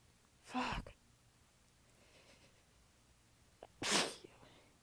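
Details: Two hissy, partly stifled sneezes a few seconds apart in a quiet room, from a prolonged sneezing fit; the sneezer was exhausted with sore abs and biting them back.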